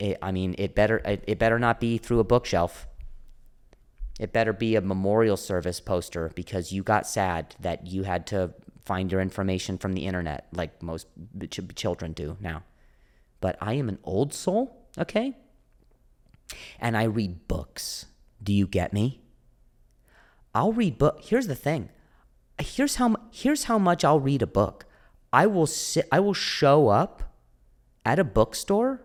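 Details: Stuttering in an adult male comedian with a stutter, described as a speech impediment; audible repetitions are present.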